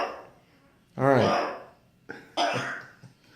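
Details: A parrot gives two harsh, voiced cough-like bursts, mimicking a human smoker's cough.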